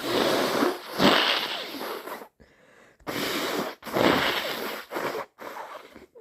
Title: Messy cold sneeze and thick blows